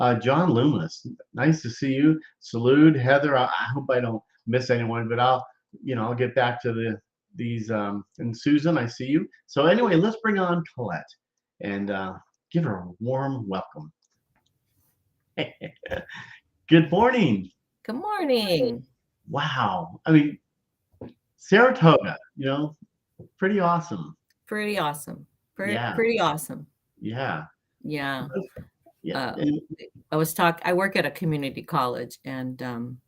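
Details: Adult woman with aphasia (halting speech) from a traumatic brain injury in a May 1990 car accident, about 30 years earlier; worse when nervous; mild low-tone hearing loss on one side; aphasia.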